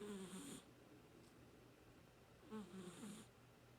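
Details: Dog (Jake) asleep after half waking and curling his paw under his head: two soft, rattling snores a couple of seconds apart.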